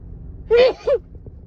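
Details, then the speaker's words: Adult female with a cold who had been holding in sneezes all day: a single voiced sneeze, a sharp sudden burst followed by a short second burst, against quiet room noise. "huh oh sneeze again huh huh huh oh oh wow let me blow my nose oh God I have Giggles stuffed up now holding him in all day fall starts killing me oh"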